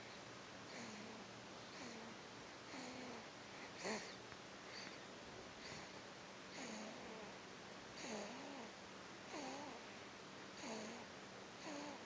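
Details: An animal, sleeping, snores lightly with soft, regular, squeaky wheezing breaths about every second and a faint purr-like noise underneath.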